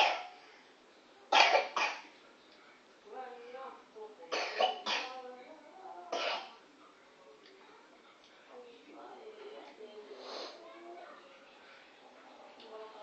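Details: A child coughing while singing a children's song: sharp coughs break up her singing, with several bursts between short sung phrases.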